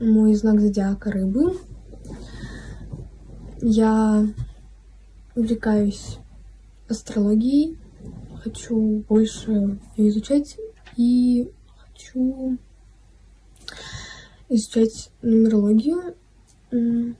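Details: 13-year-old girl, 8 years after stuttering treatment in a program for children and adolescents; treated stuttering (fluency-shaping speech).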